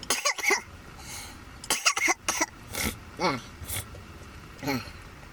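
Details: Adult coughing after smoking cannabis (keef, hash): a run of harsh, raspy coughs with throat clearing and gasping breaths between, an irritant cough after inhaling smoke.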